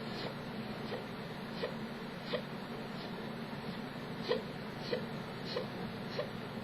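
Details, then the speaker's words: Person with chronic hiccups, awaiting a neurologist visit, pausing to let them be heard: soft, brief, fairly regular adult hiccups, about ten in under seven seconds; chronic hiccups. "Someone wanted to hear the hiccups, and this is what the hiccups have been reduced to sounding like. I'm gonna like pause and hiccup for like"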